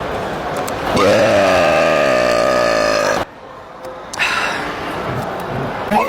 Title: Best public burp moments 🤣#fyp #hiccups #funny